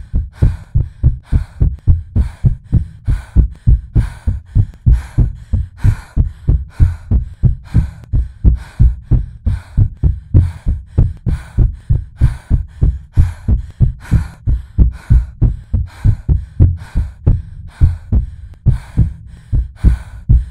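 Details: Artificially created, edited heartbeat simulating anxious palpitations: fast, steady, deep paired thumps; racing heart (tachycardia).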